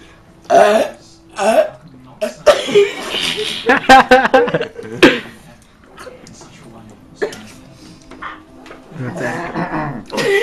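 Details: Deliberate burping in a group burping contest: rough, explosive burps and throat noises mixed with talk and laughter.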